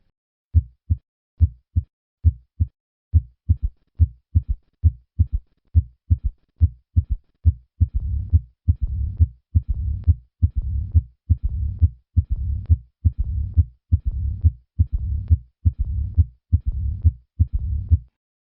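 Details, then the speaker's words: Simulated heartbeat about 69 a minute: three normal beats, then an added third heart sound, then a low-pitched rumbling diastolic Austin Flint murmur, from regurgitant aortic flow striking the anterior mitral leaflet. "An Austin-Flint murmur is low-pitched and begins with a third heart sound."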